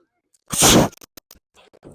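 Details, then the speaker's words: Single loud, explosive sneeze outdoors at a beach, landing on another person's neck, followed by brief faint noises and outdoor background. "what you sneeze right on my neck did he do that on purpose ah you didn't was that an accident you sneezed on my neck again"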